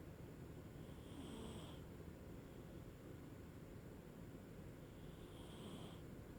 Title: Snoring cat